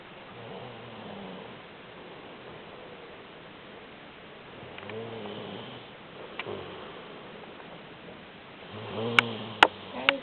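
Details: A man who snores a lot while asleep: soft, low, rumbling breaths recur in a quiet room, with a few sharp clicks near the end: gentle snoring.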